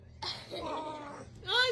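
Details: Infant girl, near her sister: a single soft, high-pitched baby sneeze followed by a brief vocal coo in a quiet room; sneezing.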